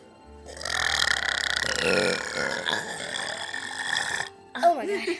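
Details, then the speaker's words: Friends taking turns burping on a count: one long, rumbling, rattly burp lasting several seconds over background music; burping. "I'm better than her wait it's stuck oh my God that smells so bad it's stuck it's stck it's stuck it hurt"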